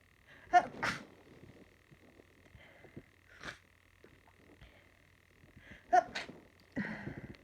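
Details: Sneezing after dusty cleaning: several short, sharp sneezes in quick pairs with small snuffles between, faint steady background hum.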